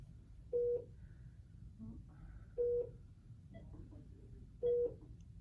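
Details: Three short, identical electronic beeps about two seconds apart over quiet room noise, from key presses on a Philips bedside monitor touchscreen while admitting a patient; made-up MRN, training demonstration.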